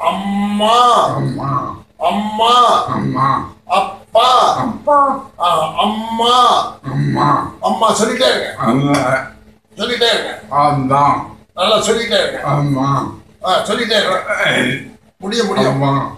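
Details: Adult speakers in a voice practice session; speech (voice practice drill).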